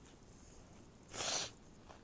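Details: A single brief, hissing sneeze in a quiet room, described as loud and moany; the sneezer reports being soaked with snot and covered in goosebumps afterward.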